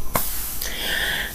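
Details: Wheezing.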